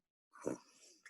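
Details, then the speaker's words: Adult deliberately imitating nasal snoring with the mouth closed during a Buteyko breathing training session: a big-volume rush of air sucked in through the nose with narrowing of the nasal airway, producing turbulent snore noise. "what are the factors in snoring through the nose it's flow and airway size two different things now try to make that sound of the snore what do you feel when you make that sound"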